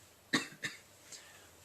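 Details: Two short, dry coughs in quick succession, followed by a faint throat noise; coughing vocal tic in a 31-year-old man with Tourette syndrome, tics beginning around age 9, mostly motor tics plus vocal coughing.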